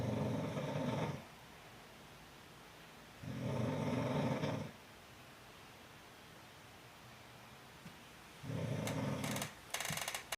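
Loud, rough, rumbling snores come in long bursts with quiet pauses between them, typical of a sleeping dog snoring.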